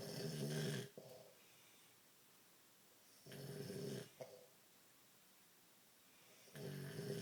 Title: Snoring man and dog